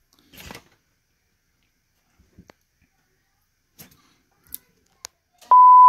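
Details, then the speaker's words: Zoll X Series defibrillator monitor in EMS training, switched off, waited 10 seconds, switched back on: a few soft clicks and taps, then a steady electronic power-on tone; reopens same case if restarted within 2 minutes. "So I'm going to go ahead and cycle it off. And I'm going to wait 10 seconds. And I'm going to cycle it back on."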